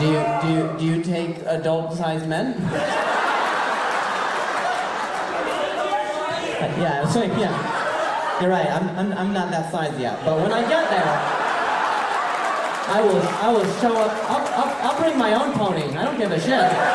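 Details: Male stand-up comedian who stutters, speaking live on stage; he says people talking close to him while he talks make him stutter, and he mentions a softball injury; stuttering.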